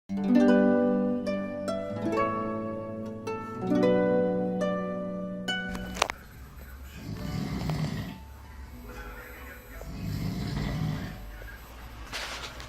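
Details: Adult man, a roommate on a work trip, snoring in sleep: loud, rough snores about every three seconds, roughly 20 breaths a minute, after plucked music.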